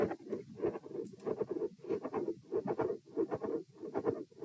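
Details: Heart sounds at position E in an auscultation stress test, rate about 94 (78–114 bpm across lying, sitting, standing, lying again): midsystolic click and murmur with fixed split S2.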